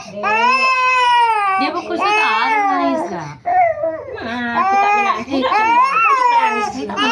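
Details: Infant crying loudly in sustained, strained wails with brief catches of breath, during traditional baby massage meant for sprain, cough, cold and fever.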